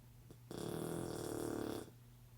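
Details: Blue Shar-Pei puppy snoring loudly while asleep, recorded before his surgery: a single long, rattling snore on one breath lasting over a second, in a quiet room.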